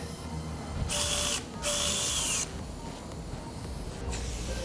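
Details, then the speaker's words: Surgical drilling in a 5-year-old female Labrador with developmental elbow disease (elbow dysplasia) and severe bone-on-bone arthritis. Two bursts of high-pitched drill whine drop in pitch under load as a hole is drilled into the ulna over a marker pin to seat a plastic component. "We've used this guide to put a marker pin in the ulna bone, into which we're going to drill a hole to take a piece of plastic."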